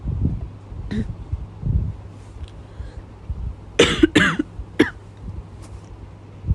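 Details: Nighttime cough in a woman who cannot stop coughing at night: quiet room noise, then a cluster of about three sharp coughs with a throat clear.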